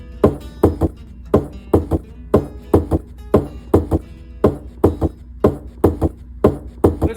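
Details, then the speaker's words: Teaching audio from a cardiac exam review: a three-part heart rhythm at about 57 beats a minute, with an extra early diastolic sound attributed to blood rushing into the ventricle; an S3 gallop. "The S3 and S4 heart sounds are often referred to as gallops because of the rhythmic cadence which resembles the sound of a horse galloping. The sound that a gallop makes is a result of blood rushing into the ventricle."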